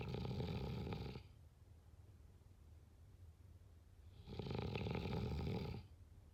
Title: #snoring #snoringasmr #snoringsounds #snoringsleepingsoundeffect #sleepsounds